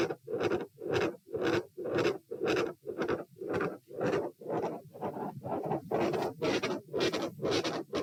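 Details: Stress-test auscultation at position A while sitting, standing/bobbing, then lying (84-114-90 bpm): fast regular heartbeat near 118/min with harsh whooshing continuous murmur and a large, loud second heart sound.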